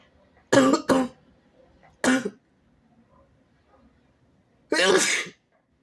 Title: kinda wet sneezes and a good noseblow (he/they)